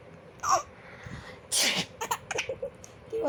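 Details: A loud burst sneeze followed by an infant's bursts of giggling laughter in a quiet room; the child laughs at each sneeze.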